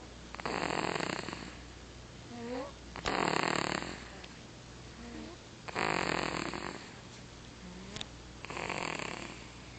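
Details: Harsh, raspy snores in a steady rhythm, about 22 a minute, each followed by a softer whistling exhale; snoring.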